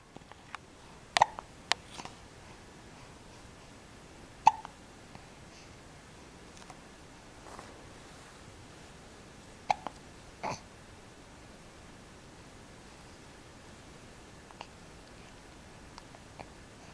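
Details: Soft, sharp hiccup sounds recurring irregularly, about 18 a minute, over quiet room noise; hiccups.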